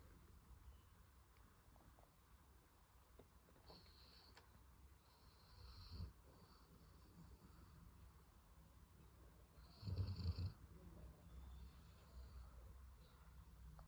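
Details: Sleeping Labrador dog snores quietly, with a few louder snorting breaths over a low steady rumble.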